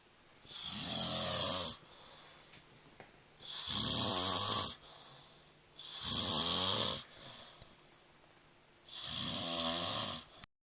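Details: Four loud, harsh snores about five seconds apart with faint softer sounds between them; regular snoring during sleep, uploaded from an Android phone.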